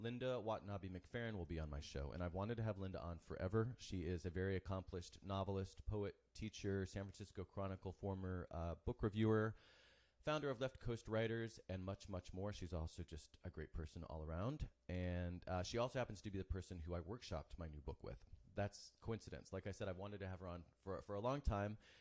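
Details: Adult male speaker; normal speech.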